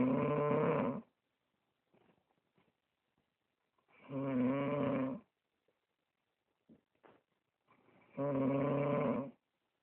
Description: Is it a person snoring, or did a bear come into my house